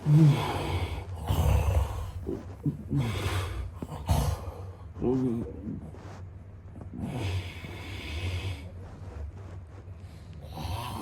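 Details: Adult man snoring: deep, rumbling breaths every few seconds with rattling snorts and noisy inhalations.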